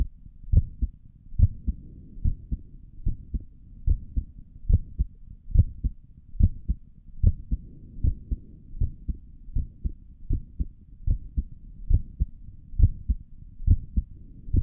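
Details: A person's own resting heartbeat recorded through a stethoscope on the chest for relaxation: regular paired low thumps at about 71 beats a minute with a soft rustle between beats; normal heart sounds.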